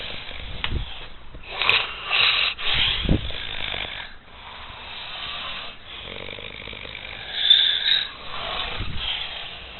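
Loud, harsh, rattling snores with raspy breath sounds between them; heavy snoring.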